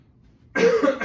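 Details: Voluntary cough performed as a demonstrated post-operative coughing exercise, with deep-breathing exercises and auscultation with lungs clear bilaterally; voluntary cough.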